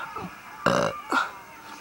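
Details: Deliberate burping for a burping contest: two loud, deep, croaking burps in quick succession, the first longer, with some room noise.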